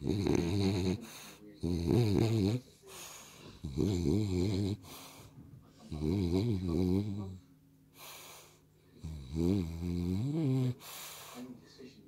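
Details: French Bulldog asleep on owner's lap, dreaming with eyes open: loud, fluttering, wavering snores on each breath at about 25 breaths a minute; heavy snoring.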